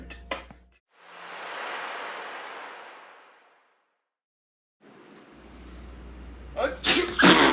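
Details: A sneeze: a long breathy hiss building up, then sharp bursts of release near the end, with some room noise.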